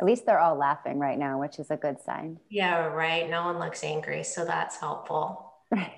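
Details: Adult woman speaking; no speech disorder.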